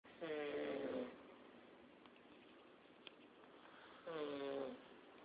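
Two snores about four seconds apart, each with a buzzing, whistly tone, over quiet room noise. Snoring with an unusual tonal sound.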